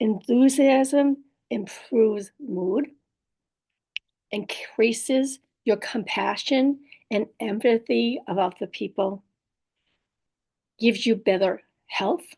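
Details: Woman with post-stroke aphasia plus apraxia of speech and dysarthria, in recovery; aphasia with apraxia of speech and dysarthria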